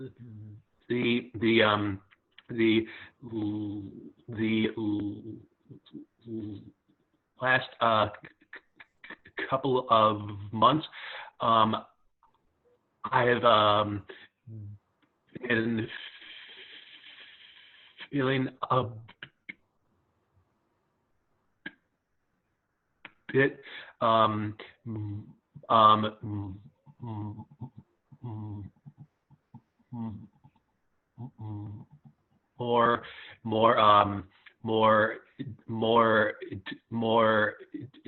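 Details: Young adult who stutters, speaking during an online open mic at a stuttering association conference, with repeated words; stuttering.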